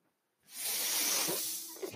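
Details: Mechanical ventilator breath from the speaker's own ventilator, heard during speech: after a brief silence, a single steady airy hiss of rushing air that fades at the end.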